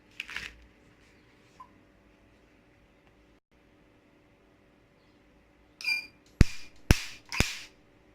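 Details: Q-switched Nd:YAG tattoo removal laser demonstration, 1064 nm treatment head for dark colours, fired by holding the foot switch: sharp snapping pulse clicks, a few per second, with quiet room noise between.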